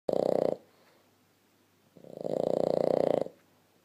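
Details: Sleeping Boston Terrier, nose to nose with a blue Staffordshire Bull Terrier: two buzzing, fluttering snores, one short and one longer, with a quiet pause between.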